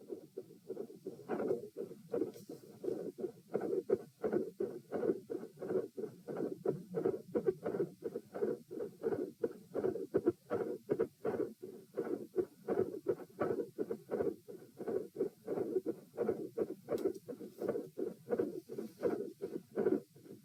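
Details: Heart sounds at position P, second repeat test: steady beats with pronounced respiratory phasic variation (rates 90-72-96-90-102 bpm) persisting despite provoking manoeuvres; mostly quiet, with intensity increasing at the end.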